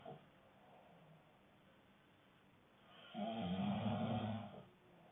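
Quiet breathing, then one loud, rough, rattling snore on the breath in, lasting about a second and a half; snoring.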